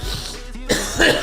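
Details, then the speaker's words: Adult on a livestream gives two short, dry cough bursts over faint background music, attributed to postnasal drip (stuff coming back in the back of the throat), with a pounding headache; cough. "bad could be worse it's really just like a you know a drip you know all the you know I don't even want to say it but all the stuff coming back in the back of my throat"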